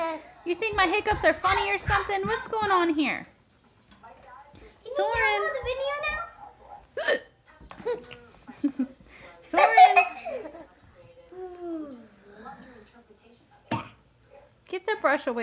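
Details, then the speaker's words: Hiccups in an adult while a happy young boy giggles and laughs loudly at them as the adult talks; brief, sharp gulping catches break in now and then. "what are you doing happy boy you think my hiccups are funny"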